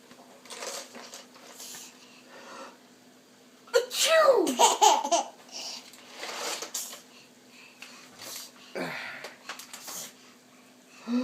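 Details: A child makes a deliberate fake sneeze, a voiced burst among breathy noises and giggles; imitated sneeze.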